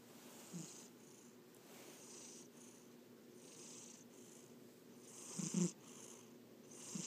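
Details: A sleeping cat that always snores when asleep: a soft, steady low rumble with a faint airy hiss on each breath, repeating about every one to two seconds.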